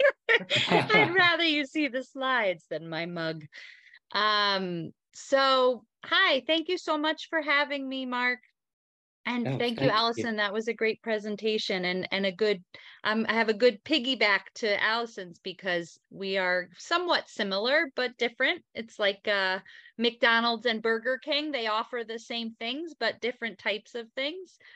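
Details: Adult woman speaking; normal speech.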